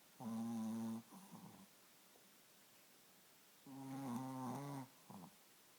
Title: chihuahua snore schnarcht lustig